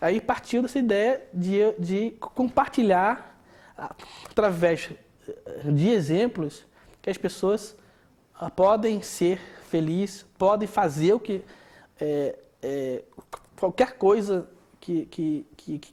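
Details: Adult male speaker; stuttering.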